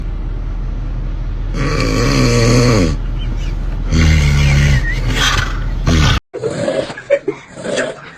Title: Funny strange snore 😴 #funny